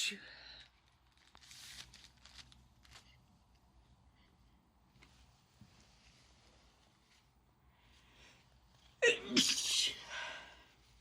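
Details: A single loud sneeze after quiet rustling and a short burst of sniffing or nose blowing, continuing an ongoing bout of sneezing and nose blowing; sneezing.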